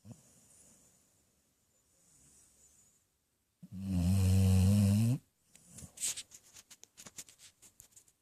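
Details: Basset hound sleeping on owner's lap, snoring almost immediately after falling asleep: one loud, low, rattling snore of about 1.5 seconds, then soft snuffling breaths; dog snoring.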